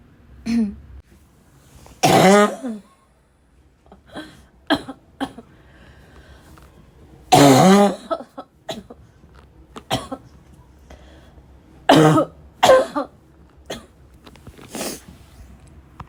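Harsh, loud coughs in bursts with throat clearing and snorts between them: a barking cough fit.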